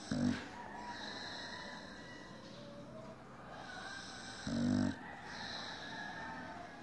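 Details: Sleeping pitbull dog snoring: two short, rough, rattling snores about four seconds apart over steady room noise; snoring.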